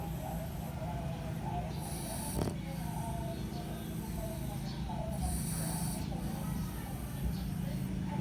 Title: French Pug snoring 💤🐶🐾